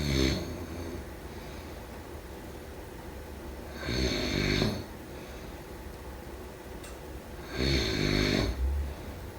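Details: Loud, rattling snores on each breath in, about every four seconds (roughly 16 breaths a minute), with quiet breathing between them; snoring.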